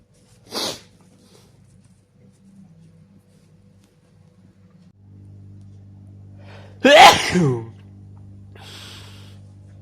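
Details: Adult male sneezing from allergies: a short sneeze, then a louder full sneeze with an indrawn breath and a following exhale over a low hum. Allergic sneezing.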